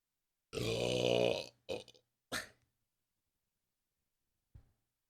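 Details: Japanese girl burping after drinking cola (1.5), with one long, loud, voiced belch followed by two shorter burps and a faint last one; burping.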